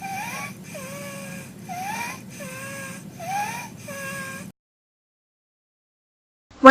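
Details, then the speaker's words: Toddler boy with 1 day of runny nose, nasal congestion and a barky cough with URI symptoms: a repeated high-pitched, harsh noise with each rapid breath. Stridor, with mild suprasternal and subcostal retractions and mild respiratory distress. "you are hearing is stridor. He has mild suprasternal and subcostal retractions and is in mild respiratory distress."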